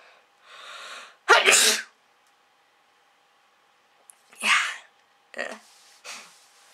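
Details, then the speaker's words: Sharp, forceful sneeze after a quick indrawn breath, then softer breathy sounds, from an adult woman with a cold (sore throat, stuffy nose, coughing). "yeah sneezing I knew he was going to sneeze on camera putting on this video I'm like I'm not going to sneeze I'm not going to sneeze but no I sneezed and it sucks"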